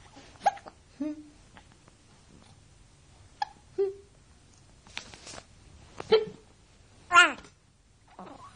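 Short, sharp, repeated voiced catches with breathy sounds in a quiet room, roughly seven hiccups in under ten seconds.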